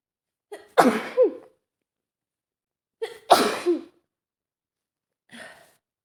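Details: Female with a head cold sneezing: two explosive sneezes, each preceded by a sharp inhaled catch, then a softer sniff.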